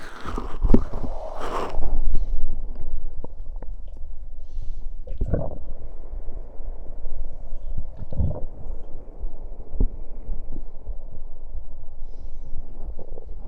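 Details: Stomach sounds after gulping soda, recorded binaurally with a 3Dio microphone: low gurgling rumbles and irregular bubbling pops over a steady hum, with burps; bowel sounds.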